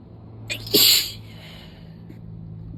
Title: 7/19 - not done! The rest of the sudden sneezing fit 😂